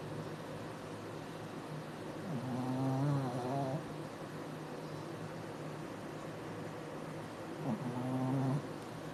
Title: When your dog snores louder than you